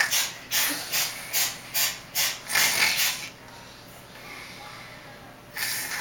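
Quick series of short, hissing nasal snorts, about six in a row, then quiet: imitated snoring by a child.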